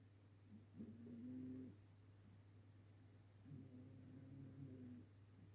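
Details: Ginger cat asleep on the sofa snoring loudly enough to hear across the room: two low, buzzing snores about a second each, roughly 20 breaths a minute over quiet room hum.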